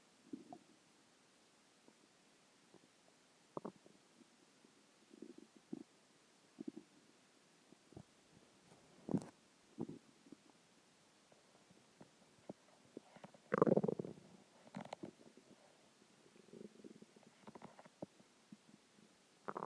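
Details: Scattered gurgles and rumbling squeaks from the belly in a quiet room; ordinary stomach growling (borborygmi).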